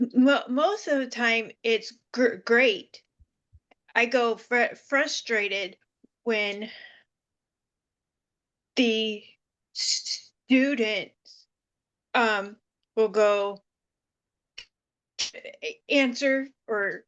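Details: Woman with aphasia following seizures who reports it takes her time to get the word; aphasia.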